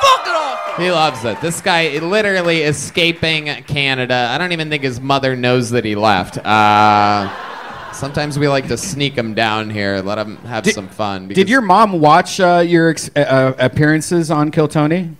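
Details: Adult male speaker; typical speech.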